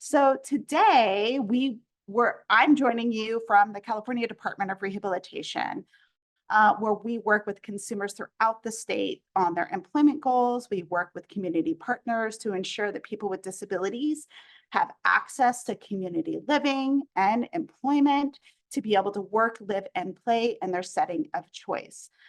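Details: Adult woman speaking; ordinary speech.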